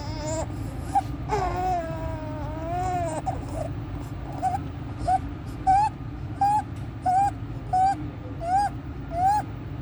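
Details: Newborn: high squeaky noise on each breath in, inspiratory stridor with severe chest drawing, suprasternal retraction and desaturation.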